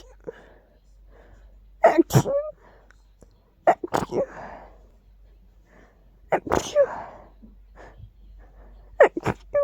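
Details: Sneezes blamed on dust, with itchiness: a series of about four sharp sneezes, each preceded by a quick intake, spaced a few seconds apart in a quiet room.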